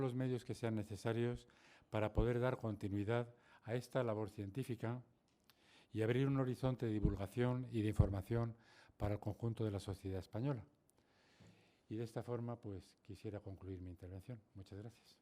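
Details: Adult male speaker; normal speech.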